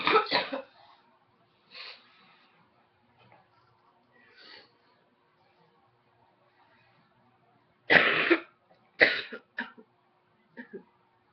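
Several short, harsh coughs in two clusters with quieter throat-clearing sounds between them, in a quiet room.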